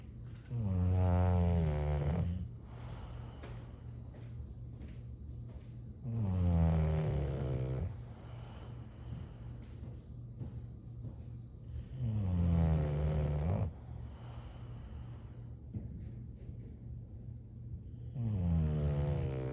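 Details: Sleeping bulldog: loud, rhythmic, rattling snores about every six seconds with quieter breathing between them; snoring.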